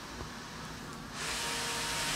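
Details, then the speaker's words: Sudden rush of airflow as a Philips V60 used as a ventilator in PCV mode delivers a pressure breath triggered by a spontaneous effort on a test lung; patient-triggered breath. "you see your blue waveform if you look up at the top left where it says so spontaneous that means that was triggered by the patient"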